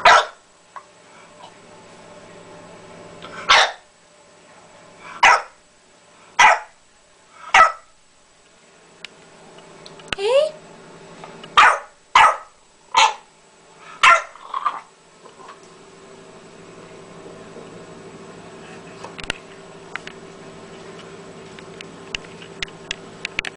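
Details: Dog repeatedly gives short, sharp, bark-like coughs with a brief whine between them; owner recording his cough and congestion, vet says he is fine but owner asks why he is so congested; cough with nasal congestion.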